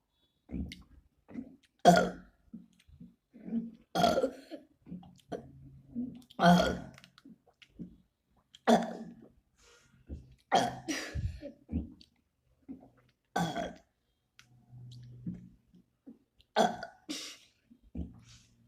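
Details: Deliberate burping by a person attempting a 5-minute burping challenge: about a dozen repeated voiced belches.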